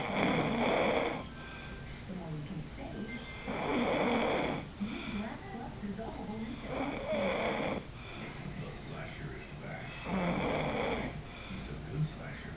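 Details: Snoring in a prank clip: loud rasping snores about 18 times a minute, with quieter breathing between them. Ordinary snoring.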